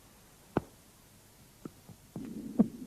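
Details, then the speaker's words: Mitral stenosis heard at the apex: a loud snapping first heart sound, a softer second sound, then the opening snap of the mitral valve and a low diastolic rumble from flow through the narrowed left atrioventricular orifice. "при митральном стенозе на верхушке слышен хлопающие первый тон щелчок открытие митрального клапана и диастолический шум шум возникает в результате затруднение тока крови через суженное левая atrovent регулярное отверстие"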